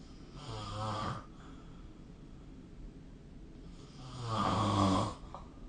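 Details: Snoring during sleep, recorded with the SnoreLab smartphone app: two loud, rattling snores on breathing in, separated by a quiet pause; upper-airway vibration.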